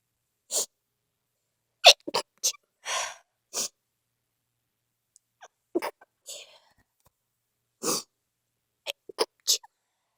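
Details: A run of sharp, explosive bursts, some stifled and some not, with quick inhaled catches between, about eight to ten in ten seconds, after being outside; a sneezing fit.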